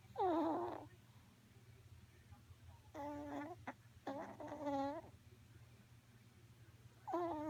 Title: Snoring chihuahua